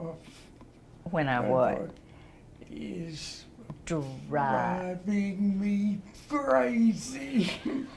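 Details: Man with aphasia and right-sided motor loss after a stroke about 1.5 years earlier; after three weeks of constraint-induced therapy he progressed from a few words to words and sentences; non-fluent aphasia.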